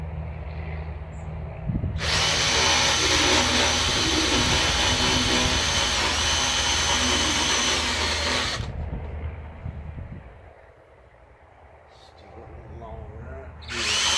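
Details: Equine dental power float on a horse: a loud whirring, grinding motorized tool runs for several seconds and then stops, rasping the horse's teeth.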